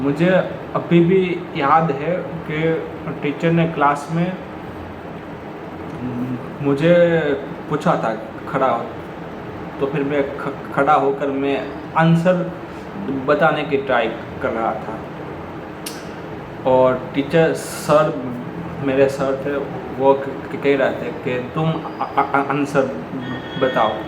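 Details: Adult male who says he is a person who stammers; real stuttering in Hindi speech.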